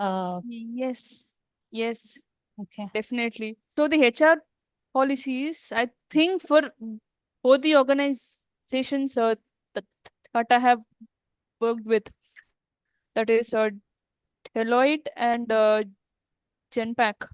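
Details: Adult woman who stammers; stuttering.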